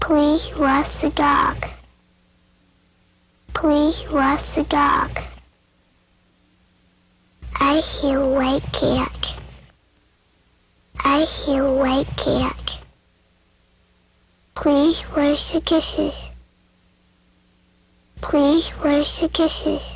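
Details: Speaker with a repaired cleft palate producing mid-dorsum palatal stops in place of t and d.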